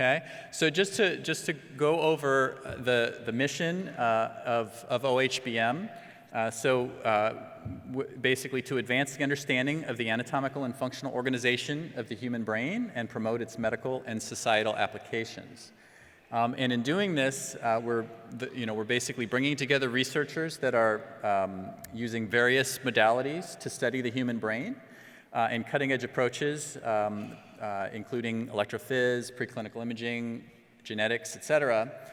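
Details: Adult male speaker; normal speech.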